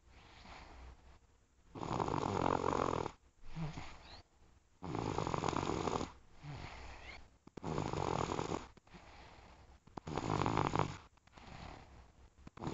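Loud rattling snores on each breath in, alternating with quieter breaths out, about four cycles in the span: snoring.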